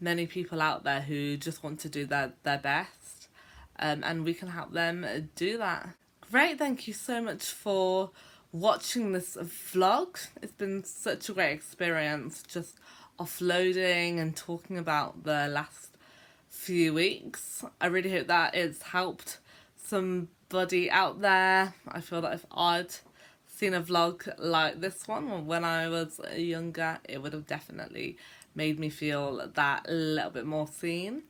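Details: Adult woman who stammers, speaking in a vlog about life as a stammerer; stuttering.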